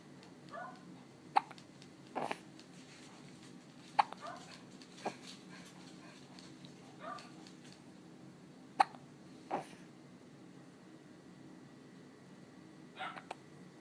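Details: Infant with spit bubbles and hiccups: short, sharp catches repeat at irregular intervals, about 12 a minute, over quiet room noise. Infant hiccups.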